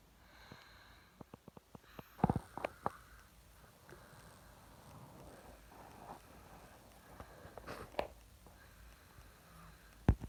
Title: February 24, 2022 snoring baby